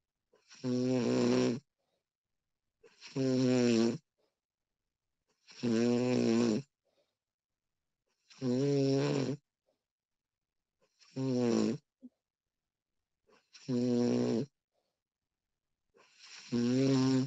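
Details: Woman recorded while asleep, extended one-hour recording: regular rattling snores on each breath in, about 23 a minute, with silent pauses between; snoring during sleep.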